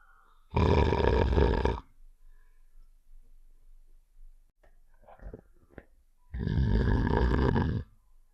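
Two long, loud, rough snoring rumbles with quiet breathing and small noises between them, a sound-effect imitation of snoring.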